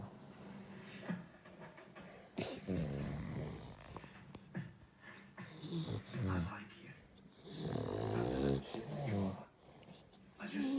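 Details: Snoring from an American bully dog and a man together: loud, irregular snorting snores from the dog mixed with the man's snoring and some background sounds.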